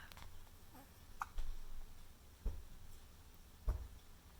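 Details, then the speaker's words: Pet named Teddy (male) with hiccups: soft, regular little jerky catches about every 1.2 seconds over low room hum. "Oh, do you have hiccups, my love? Oh, sweet boy."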